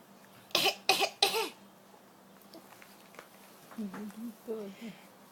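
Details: 5.5-month-old infant coughing on purpose as play: three quick small coughs, then soft gurgly laughing; she does it by herself and finds it funny.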